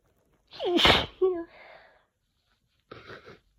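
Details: Head-cold sneezing in June: a loud, wet, messy sneeze, then a short trailing exhale and a sniffling follow-up.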